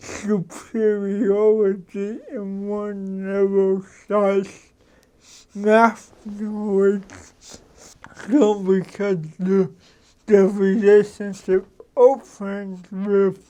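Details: Adult man who has lived with cerebral palsy, a neurological disorder, for 53 years; real, unacted speech showing dysarthria due to cerebral palsy.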